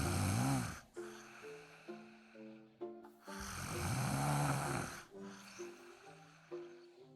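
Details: Two long, deep, rumbling snores from a sleeping dog, with a music track underneath: dog snoring.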